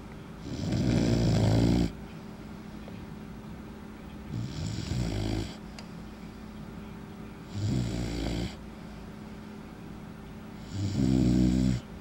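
Four slow, rough, low snoring sounds over twelve seconds, about one every three seconds, with quiet gaps between them. Ordinary snoring during sleep.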